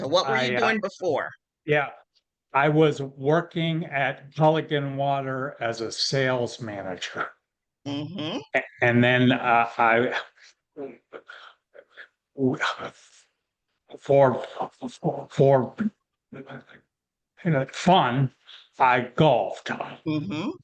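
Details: Aphasia in a man, a panelist at an aphasia conference; real, unscripted speech.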